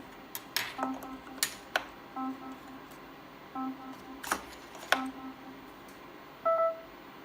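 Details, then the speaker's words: Short electronic beeps and touchscreen tones from an Ethicon Endo-Surgery G11 ultrasonic surgical generator, with an alert tone reporting no instrument connected. "Не найден інструмент. Ну нам інструменту не дали."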